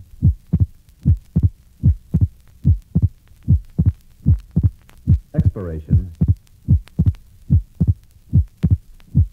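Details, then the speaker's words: Atrial septal defect: abnormally wide, relatively fixed splitting of the second heart sound that stays split through all phases of respiration, murmur removed from the recording; regular low heart sounds during inspiration and expiration. "listen to a patient with an atrial septal defect you'll note that splitting of the second hard sound is abnormally wide and relatively fixed the murmur has been removed"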